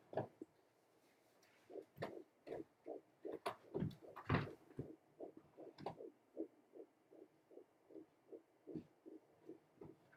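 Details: At 13 weeks of pregnancy, a home fetal Doppler is placed about three inches below the navel, with the baby lying toward the back of the uterus. Scraping probe noise gives way to a fast, steady fetal heartbeat of about 160 a minute.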